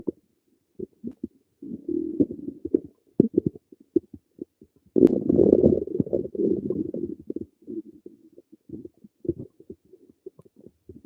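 Irregular low gurgles and rumbles, some long and drawn out, from an adult's stomach; ordinary bowel sounds.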